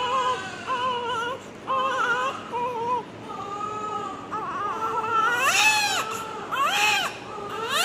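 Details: Newborn crying just after delivery: repeated short cries and rising wails, a normal strong newborn cry, with faint room noise behind.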